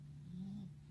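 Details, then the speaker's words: A low, steady rumbling drone that swells briefly in the middle; a short stretch of snoring from a sleeping bulldog. "and sorry for the rude noises it's my Bulldog sleeping is snoring"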